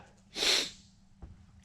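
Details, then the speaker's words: Allergic sneezing in an art studio after an air blower stirred up dust: one quick, breathy, hissing sneeze, then a faint breath in a quiet room. "my allergies been getting crazy today cuz I got the air blower and I blew out everything about to see again"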